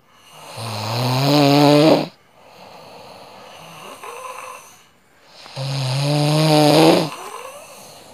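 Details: Heavy rhythmic snoring: two loud, rattling, low-pitched snores on breathing in, each about 1.5 seconds, with quieter breathing out between them.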